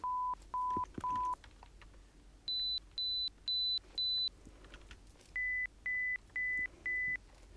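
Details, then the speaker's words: Pure-tone audiometry through headphones on a man with constant tinnitus, testing one ear first: short steady beeps in groups of three or four stepping between pitches, with results later showing a high-frequency hearing deficit. "je vous fais entendre des sons très lég dès que vous les entendez vous LZ la main quand vous n'entendez plus vous baissz la main"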